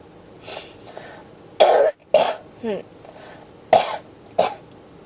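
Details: Persistent cough that won't stop, hashtagged pneumonia: four loud, harsh coughs separated by short pauses and quieter breathing sounds, a repeated cough that keeps returning.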